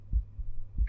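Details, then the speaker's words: Adult's own normal heart sounds through a stethoscope whose earpieces feed a binaural microphone, heart rate 87 a minute just after drinking sugary liquid yogurt; deep, regular thumps from valves opening and closing. "number 18 the beating of the sound of your heart is caused by the valves of the heart opening and closed"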